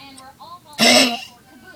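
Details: A female dog with kennel cough gives one harsh, forceful, dry hacking cough burst.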